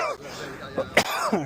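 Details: A single sharp, dry cough from an adult at an outdoor second-hand sale, with brief voiced sounds around it and outdoor noise; he says "excuse me" afterwards.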